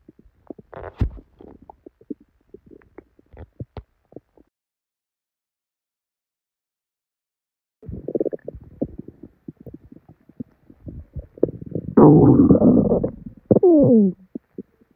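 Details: Tummy growling with diarrhea after drinking probably expired milk: loud, irregular gurgling and rumbling from the belly with a long rolling growl; loud bowel sounds (borborygmi).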